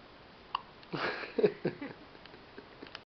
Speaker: Baby hiccuping. Take one. Good sound.